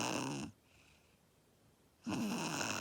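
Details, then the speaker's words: Sleeping Ponchi snoring: two loud, rough snores separated by a quiet pause of about a second and a half. "Hey guys, Ponchi is sleeping. He's snoring like a pig."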